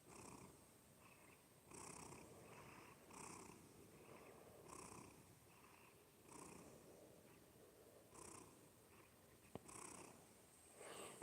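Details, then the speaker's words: Cat purring through his nose, owner says nose not clogged and no sneezing; steady rhythmic purr with a rough, hissy, snore-like edge on each breath: cat purring with nasal snore-like quality. "But he he just that's the way he purr. Like I guess he he didn't learn how to purr from another cat. So he he just figured out he could purr through his nose and he just likes to purr."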